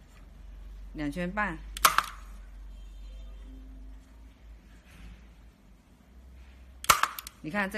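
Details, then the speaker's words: Needle-free hyaluronic acid injector pen with air pressure set to maximum for body injection and a 0.3 ml ampoule: two sharp snapping shots a few seconds apart, with a voice talking between them. "第一枪的话，你不用拧的，调节好了，你第一个的话可以直接操作。然后打完之后你再拧，比如说你要做零点零五的剂量，你就往回拧。"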